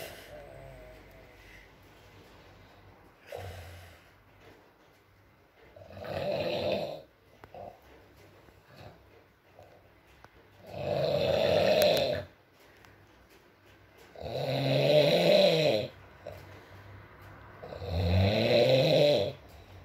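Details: ASMR recording of a sleeping man snoring, with rain and mumbles: loud rattling inspiratory snores, about 17 breaths a minute, quiet gaps between; snoring.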